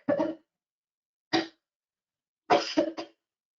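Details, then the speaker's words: Five-second waveform example from a chronic cough frequency lecture: a cough bout of five explosive cough sounds clustered together, with loud voiced sounds in between, illustrating how coughs are counted. "they usually occur uh in in bouts or episodes or epochs there lots of terminologies used so you'll generally get clustering of these explosive sounds"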